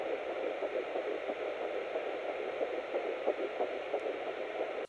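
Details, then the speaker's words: Fetal heartbeat on Doppler at about nine weeks of pregnancy (8 weeks 6 days), heard for the first time after a long search: rapid faint whooshing pulses under a steady hiss, roughly 180 beats a minute. "so we tried it out it took a while and then we heard the the heartbeat for the first time"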